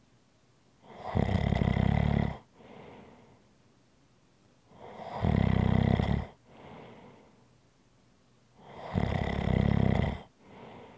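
Three loud, rough inhaled snores about four seconds apart, each followed by a softer exhale. Steady snoring at roughly 15 breaths a minute.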